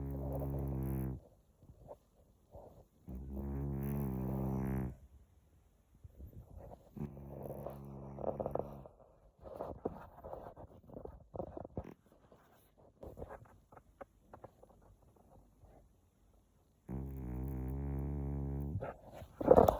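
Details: Sleeping cat: three long, low, rumbling snores, each about two seconds, with faint shuffling noises in the quiet between them; snoring.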